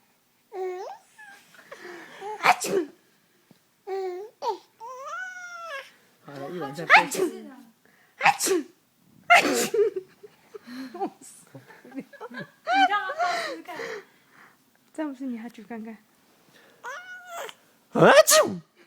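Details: Infant laughing at mother's playful sneezes: repeated short bursts of adult sneezing with the baby's babbling and laughter between them.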